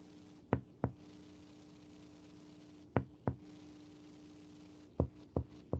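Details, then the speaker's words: Resonant lung percussion note heard while percussing downward along the midclavicular line from the second intercostal space, to find the upper liver border during an abdominal exam. "Empezamos a percutir el pulmón hacia abajo sobre la línea medioclavicular. Vamos a escuchar sonoridad."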